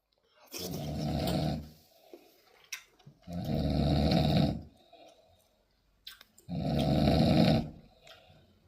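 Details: Heavily drunk man asleep after a year-end party: loud, deep rattling snores about every three seconds, roughly 20 a minute, with quiet pauses between; heavy snoring during sleep.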